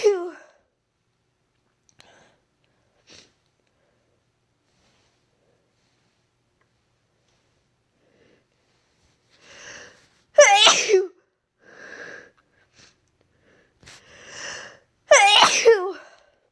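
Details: Long quiet stretch with faint sniffs and breaths, then two sharp explosive sneezes each after a short intake of breath, deliberately induced after months without inducing; sneezes.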